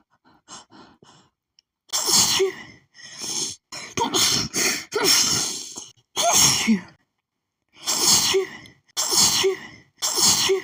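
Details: Woman's sneezing fit, thought to be an allergic reaction to perfume: a rapid run of about eight hissy, hitching sneezes with quick catching breaths between.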